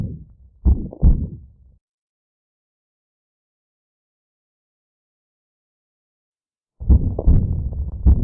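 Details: Patient presenting with breathlessness, stethoscope bell at 3rd left intercostal space (3LSB). Low diastolic rumble beside a to-and-fro murmur; rumble vanishes with firm bell pressure. Austin Flint murmur from severe aortic regurgitation due to annular dilation, with Corrigan pulse.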